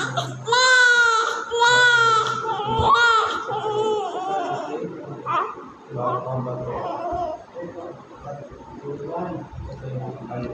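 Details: Newborn conceived by IVF, immediately after birth: loud repeated wailing cries fading to softer whimpers with faint background music, a normal vigorous newborn cry.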